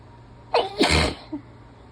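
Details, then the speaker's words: Person sick and congested, sneezing repeatedly about a minute or two after blowing nose, half stifling sneezes: one loud, partly stifled sneeze with a sharp in-breath before the burst. "whoa these are crazy crazy okay okay I'm kind of half stifling them so that they're not gonna laugh vote what the hell is going on"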